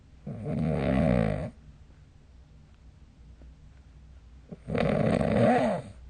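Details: Snoring recorded with the SnoreLab app on 2025-03-27: two loud, rough, rattling inhaled snores about four seconds apart, with quiet breathing between them.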